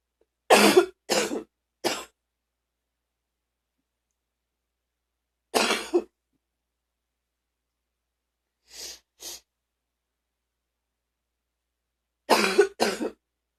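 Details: Eight deep, forceful coughs in short clusters separated by quiet pauses, without wheeze or whoop, from a person who had been very sick: deep coughing.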